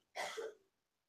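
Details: Single short, harsh cough burst from an adult who is sick, heard in the background of a podcast recording in a quiet room.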